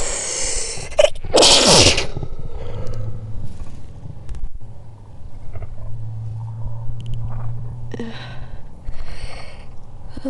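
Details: One forceful sneeze burst, slowed down so it sounds deep and drawn out, then low murmuring.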